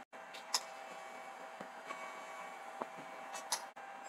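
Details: NS-O6 fractional CO2 laser machine demonstrated with the CO2 handpiece in super pulse mode: faint, irregular sharp ticks over a steady machine hum in a quiet room as the fractional laser fires pulses.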